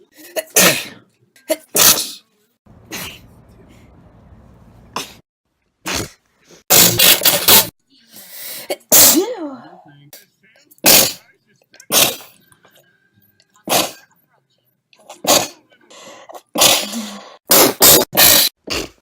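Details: Sneeze compilation: rapid run of many sharp, explosive sneezes in a row with brief talk mixed in, followed by "bless you"; sneezing.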